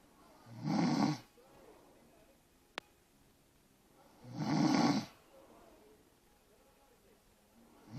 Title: Annoying snoring